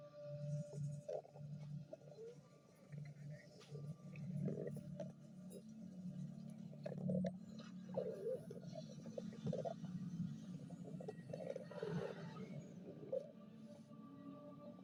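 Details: Stomach growling (borborygmi): long, low rumbling and gurgling with bubbly pops over about fifteen seconds.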